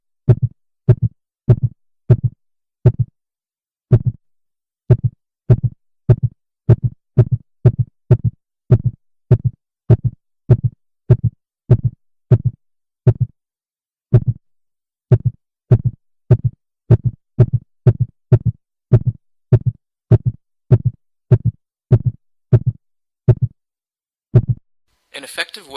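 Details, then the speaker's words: Heartbeat recorded during paced breathing near six breaths per minute (resonance pace); clean low thumps speed up as lungs fill and slow as they empty, about six cycles a minute: respiratory sinus arrhythmia. "listen to the sound of the heartbeat and how it speeds up when the lungs are filling and slows down and when the lungs are empty"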